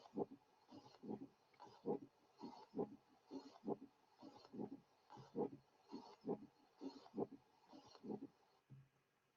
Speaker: The following example displays a typical friction rub recorded at the left sternal border of a male with pericarditis. Both the systolic and diastolic components of the rub are heard.